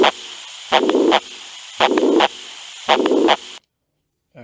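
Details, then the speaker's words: Holosystolic murmur from a sound library demo: heart cycles at about 56 a minute, with a harsh murmur filling the whole gap from first to second heart sound. "so I see where the murmur locations are now let's listen to a hollow systolic murmur"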